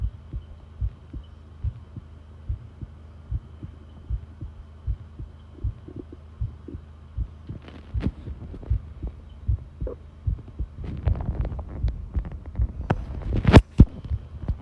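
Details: Long-duration heart sound recording: steady low thumping heartbeat at about 80 beats per minute over a hum, with rustling handling noise later; normal heart sounds.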